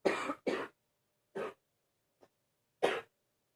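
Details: An adult with ongoing illness, feeling a bit better, gives four harsh, full-chested coughs in quick succession. Continuing deep cough.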